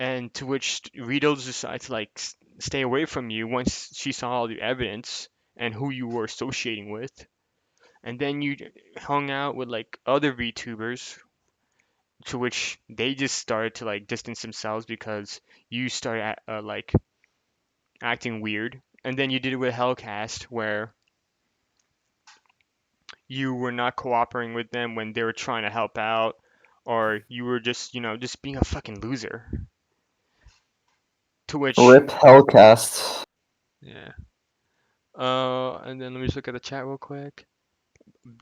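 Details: Adult male speaker, casual monologue; typical speech.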